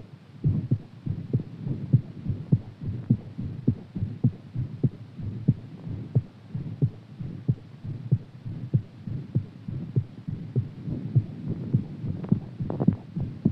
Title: HAERTBEAT AFTER EXERCISE